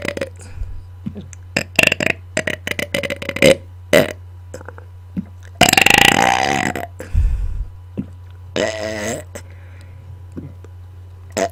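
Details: Deliberate burping on command into a microphone: a rapid string of short belches followed by several long, drawn-out, rumbling burps.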